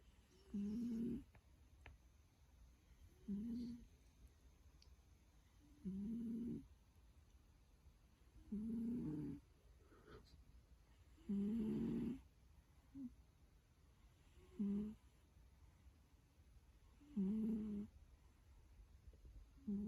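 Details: Snoring in sleep while dreaming: regular low, rumbling snores on each in-breath, about 24 a minute, over quiet room noise.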